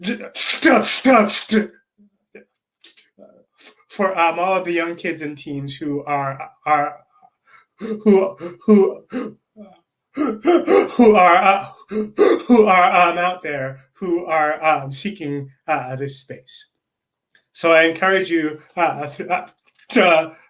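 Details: Adult man, a self-described person who stutters, with stuttering; repetitions and long pauses.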